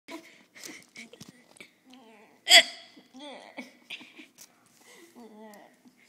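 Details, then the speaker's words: Child deliberately faking hiccups: repeated short, sharp hic sounds with soft breaths between, one louder than the rest; imitated hiccups, not real. "Because he's Do your hiccups or diaphragm spasms? That's something Avery would say. Fierce hiccups."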